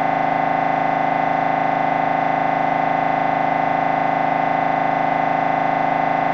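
Loud, steady, rapid buzzing pulses at about 158 a minute, a droning mechanical hum; ordinary MRI scanner noise during a brain scan.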